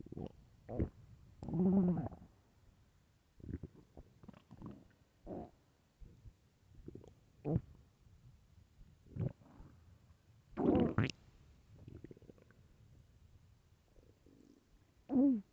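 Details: Hunger stomach growling (borborygmi): irregular low gurgles, rumbles and squeaky groans from the belly, described as loud and starving.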